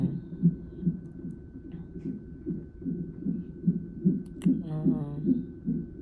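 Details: Fetal heartbeat on a labor-and-delivery triage monitor at 34 weeks' pregnancy, mother with pain and pressure; rapid, regular whooshing about 150 a minute, brief louder disturbance from fetal movement.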